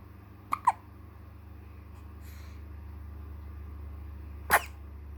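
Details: Infant hiccups: three short, abrupt hiccup sounds, two close together and one four seconds later, over a steady background hum.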